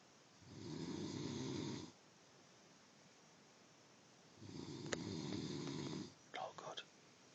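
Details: Two long, loud rattling snores on breathing in, about four seconds apart with a quiet pause between; ordinary snoring.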